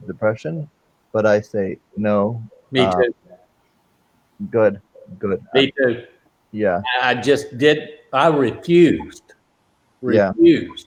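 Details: Adult man with aphasia since a stroke during heart valve surgery in 2007; shortly after the stroke he could say only one or two words; non-fluent aphasia (post-stroke).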